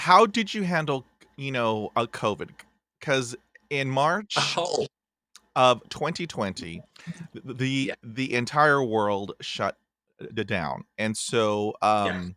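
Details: Adult man from Texas who stutters, had speech therapy in 1975, hosting a podcast; blocks and repetitions heard; stuttering.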